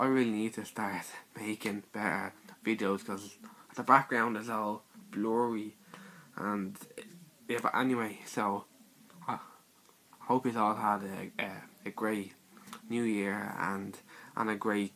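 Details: Male speaker with his own stutter (stammer); stuttering.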